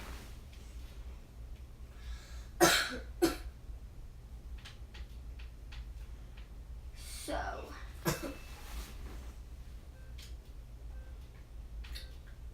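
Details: A child's cough: several separate coughs, some in pairs, over a steady low room hum.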